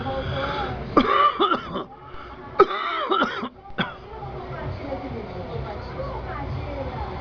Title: SONIDO DE UNA PERSONA CON TOS